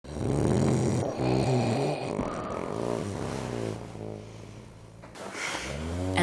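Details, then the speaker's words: Simulated snoring performed by an actor in a commercial for a snoring and sinus center: loud, rough, rumbling snores with a fluttering, vibrating quality; snoring. "am I still snoring yep"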